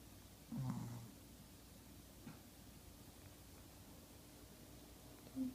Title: Snoring Chihuahua